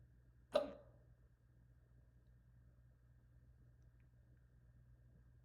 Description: i got the hiccuupppsss